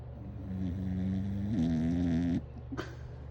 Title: She is snoring